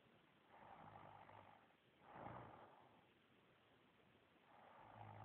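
Soft, rough rasping breaths recurring every couple of seconds, fitting snoring, with a muffled, low-quality recording.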